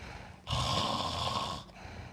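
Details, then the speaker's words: Sleeping patient with obstructive sleep apnea, after an apnea with breathing effort but no airflow: a micro-arousal brings one loud, rough snoring breath against a quiet background, then snoring diminishes before stopping again; obstructive sleep apnea snoring. "Donc, va s'effectuer dans quelques secondes un micro-réveil qui va faire que le patient va reprendre sa respiration de manière bruyante, puis se rendormir. On entend les ronflements qui vont rediminuer"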